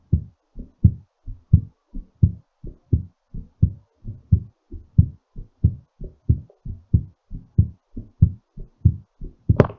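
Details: Quick, dull thumping heartbeat at about 90 beats per minute, slightly uneven in strength, during recovery after exercise; normal heartbeat.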